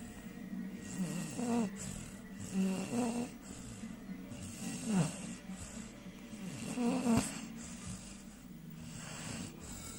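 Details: Three-month-old American Staffordshire Terrier puppy snoring while asleep: rhythmic rattling snores, about five breaths in ten seconds, with soft background noise.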